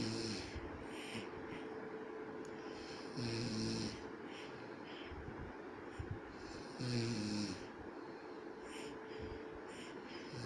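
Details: Loud, buzzing snores recurring about every three to four seconds against steady room noise, from a sleeping father beside his sleeping baby; adult snoring.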